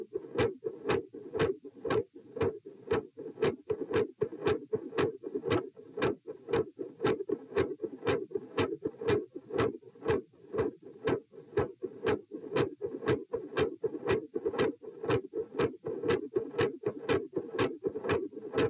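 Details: Heart sounds recorded at position P during a change from sitting to standing: regular sharp sounds with consistently loud S2, varying S1, and intermittent murmur.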